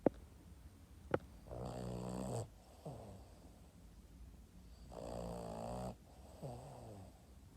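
Two rattling, vibrating snores on the in-breath, each followed by a softer snorting out-breath, in a quiet room; a small dog snoring in sleep.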